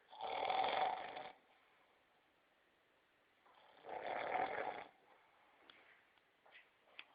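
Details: Two loud, rough snores about three seconds apart, with quiet breathing and small noises between; ordinary snoring.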